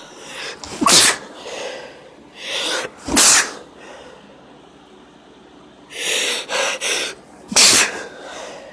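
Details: A woman gives four induced sneezes as her nose is tickled with paper: sharp, explosive bursts of air, some preceded by a quick inhaled build-up.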